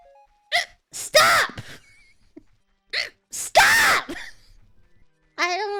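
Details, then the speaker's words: VTuber during a stream gets stuck with repeated hiccups: short sudden voiced gulps with sharp onsets, a few seconds apart, mixed with brief vocal sounds. "Sorry, I just hiccuped. Flippy drowned? Good. Oh no, I got the hiccup."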